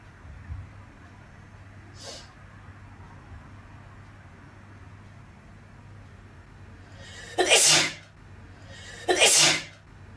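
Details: Two loud, explosive sneezes about two seconds apart after a quiet stretch; ordinary sneezing.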